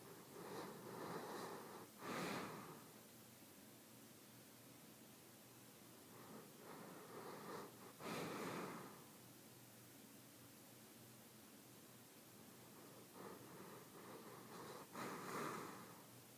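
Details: Slow noisy snorting breaths, roughly one every six to seven seconds, with quieter exhalations between; snoring.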